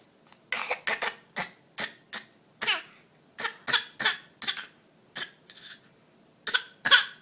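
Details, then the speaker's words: Infant giving a run of short, breathy, deliberate coughs, imitating the mother's cough rather than coughing from illness. "oh do you have a cough mm mm oh do you have the same cough I do you do or are you just copying mom"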